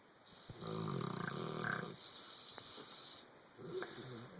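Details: Sleep snoring with dreaming: a low, rough, fluttering snore on breathing, then softer irregular breaths and a second, shorter snore.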